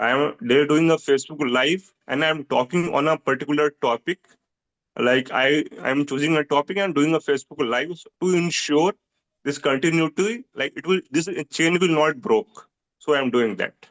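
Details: Person who stammers, a support-group member; stuttering.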